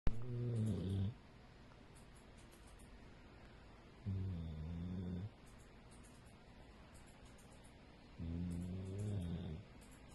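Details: Female Pitbull–American Staffordshire mix dog asleep, snoring: three low, rumbling snores about four seconds apart, roughly 15 breaths a minute, with quiet pauses between.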